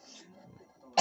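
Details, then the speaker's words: Indoors, a friend's father who is unwell, amid quiet murmur, then a single sudden loud burst at the end, cut off: the start of an adult cough. "ssalamualaikum warahmatullahi wabarakatuh Selamat malam teman-teman semuanya salam Indonesia Raya salam pesan sekarang saya lagi bersilaturahmi ke rumah bapak atau Ayah teman yang berada di kampung Rawa Denok suara batuk ek-50 tidak"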